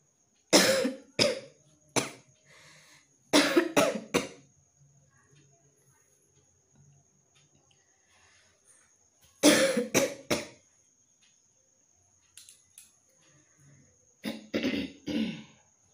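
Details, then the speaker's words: Person with a very itchy throat whose cough started on going to sleep and kept them awake last night; real, intermittent coughing: several clusters of short, sharp coughs separated by quiet pauses. "কালকে রাতে তো ঘুমাতেই পারছি না, যেই ঘুমাতে যাচ্ছে অমনি কাশি শুরু হয়ে যাচ্ছে।"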